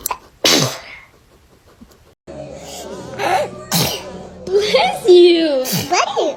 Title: A surprise sneeze from a little kid 😂 #cute#babyl